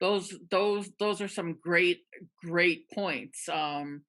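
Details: Adult webinar host who stutters, with part-word and whole-word repetitions: stuttering (whole-word repetitions).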